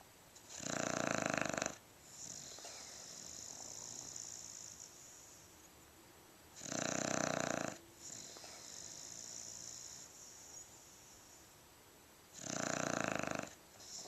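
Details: Loud rough snores in a sleeping dog about every six seconds, roughly 10 breaths a minute, with quieter exhalations between; snoring.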